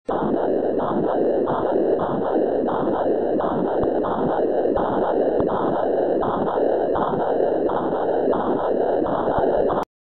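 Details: Ultrasound diagnostic equipment, vascular pulsed-wave (PW) Doppler: steady rhythmic whooshing pulses at roughly 80 a minute over constant hiss; blood vessel flow signal.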